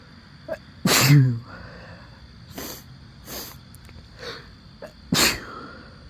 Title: some sneezes